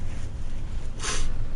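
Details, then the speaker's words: Single brief hissing sneeze from an adult speaking while streaming a train simulator game, over a steady low engine-like rumble. "i'm gonna sneeze a bit so i do apologize if you hear it"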